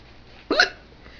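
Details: Woman with hiccups, before trying a drink-water-through-a-paper-towel remedy: a single abrupt, short voiced hiccup against quiet room noise.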